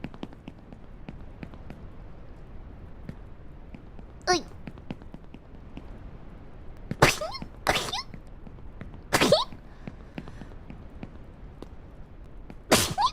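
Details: Several short, sharp sneezes over soft clicking during an Only Up gaming livestream, with a smaller sound before the first and "excuse me" after; sneezing.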